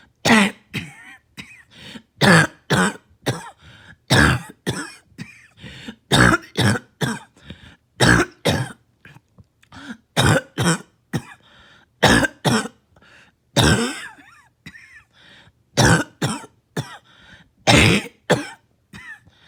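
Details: Barking cough, night and morning coughing, repeated harsh hoarse coughs, often in pairs.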